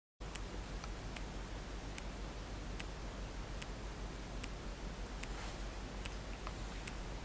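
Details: Sharp, crisp metallic clicks about 73 a minute over quiet room hiss from a 52-year-old man with heart failure and a mechanical aortic valve replacement, awaiting a second valve replacement for severe regurgitation: mechanical heart valve click.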